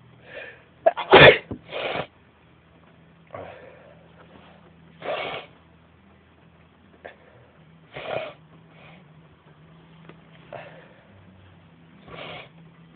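One loud, sharp burst of breath with softer bursts around it, then several smaller, hissy sounds; sneezing.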